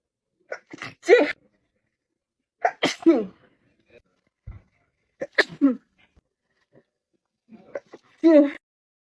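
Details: Four separate sneezes from a female, each with a quick breath in before a sharp voiced burst: ordinary sneezes.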